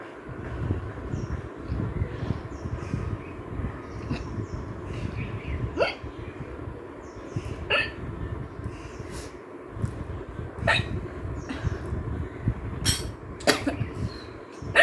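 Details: Hiccups during a spicy pasta hiccups challenge: sharp, brief gulping catches recurring irregularly over noisy background.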